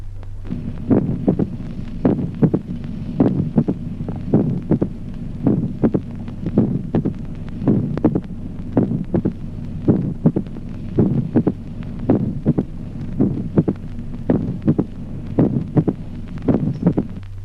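Regular heart sounds at about 54 beats a minute, with an extra sharp sound shortly after the second sound: a mitral opening snap, long interval, sinus rhythm.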